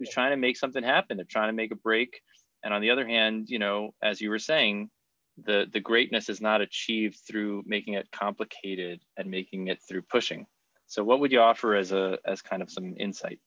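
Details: Adult man; typical speech.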